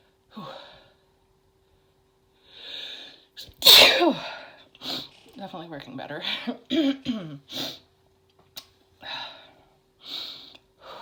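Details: Woman in a sneezing fit brought on by chhinkni snuff: one forceful sneeze with a sharp burst, then quiet breaths and short exclamations; the nose still tickles.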